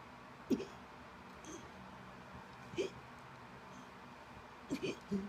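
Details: A dog having a tonic seizure makes brief, irregular catching gasps against quiet room noise. It seems to get no air toward the end: agonal-type gasping.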